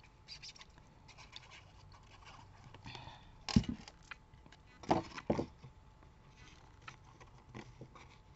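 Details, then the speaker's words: Adult with a cough present for two days: three short, harsh cough bursts, one single then a quick pair, over quiet rustling. "je suis désolé la toux elle est là depuis deux jours je comprends pas ça fait comme cet hiver"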